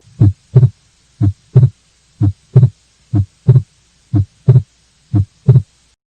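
Regular paired heart sounds, a first and second sound in each beat, at about 60 beats a minute with quiet gaps between. No clear murmur or obvious splitting of the second sound stands out in this example.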